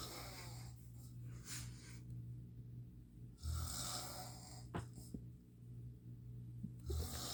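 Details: Irregular rough, breathy snores, roughly 17 a minute, over a steady low hum, recorded around 1:30 a.m. during sleep; snoring.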